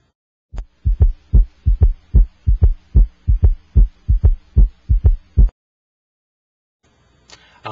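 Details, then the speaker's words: Electronic stethoscope over the apex while the patient breathes out and holds the breath. Regular paired heart sounds at about 74 beats a minute, with no S4 before S1 and no S3 after S2. Normal heart sounds without gallops. "I cannot hear an S4 Gallop before S1 and I do not here an S3 Gallop after S2 breathe okay"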